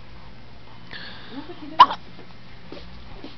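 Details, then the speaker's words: Baby with hiccups while cooing and "talking": a brief coo, then one sharp, abrupt hiccup with a small trailing catch; quiet room noise. "you get the bad hiccups like your daddy"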